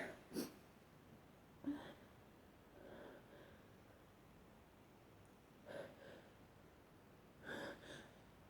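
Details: Four short, stifled sneezes with quick breaths between, in a quiet room; part of a longer recording of repeated sneezing, some stifled, some strong and wet.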